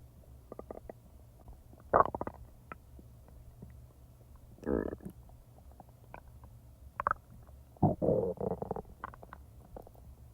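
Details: Real stomach rumbling from normal digestion, recorded not in real time: scattered gurgles and several longer rumbling bursts against quiet, ordinary bowel sounds (borborygmi).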